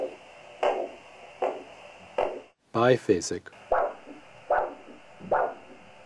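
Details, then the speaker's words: Ankle-brachial index measurement with the cuff above the ankle: arterial Doppler signal from the dorsalis pedis artery, rhythmic single-swish whooshing pulses at about 75 a minute. "if no pulse is felt you should obtain an arterial doppler signal which can be monophasic"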